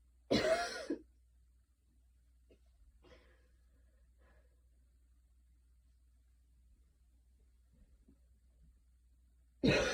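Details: Two short, rough coughs separated by near silence after a super fast 10-minute run in light rain outside; a little post-run cough.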